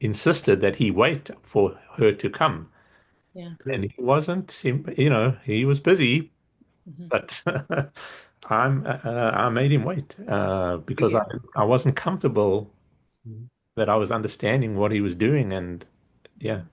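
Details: Adult male stroke survivor in an aphasia support group with difficulty expressing himself since the stroke; aphasia after stroke.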